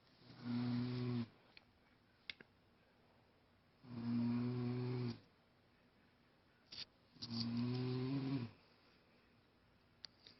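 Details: Female friend asleep, snoring: three loud, low rumbling snores about 3 seconds apart, roughly 17 a minute, with quiet pauses and faint clicks between them.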